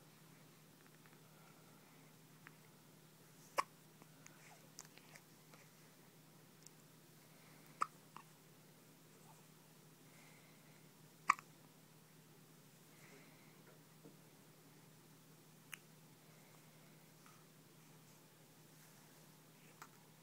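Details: Newborn hiccups softly about every four seconds in a quiet room; hiccups.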